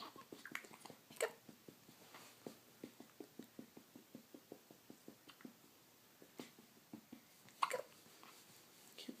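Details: Girl with a run of hiccups: quiet, sharp, regular clicks about two per second in a quiet room, with brief vocal sounds.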